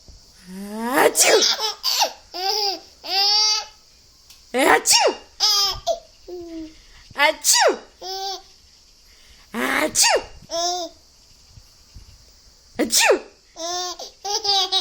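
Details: Repeated spoken "Achoo!" sneeze-like bursts, each followed by an infant's giggling laughter: sneezing sounds making a baby laugh.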